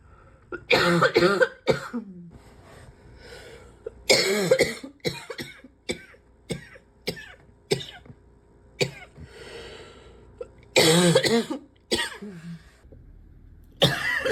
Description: bark is getting real bad…